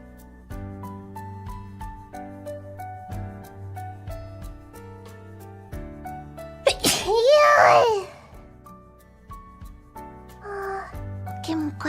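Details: A loud, sudden sneeze from a VTuber bursts out over steady background music, followed by brief voice sounds; sneezing.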